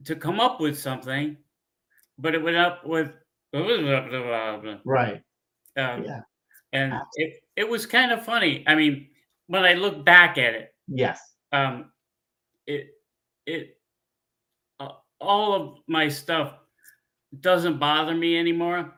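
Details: Adult man with aphasia with word-finding difficulty after a stroke 15 years earlier; he cannot read or write.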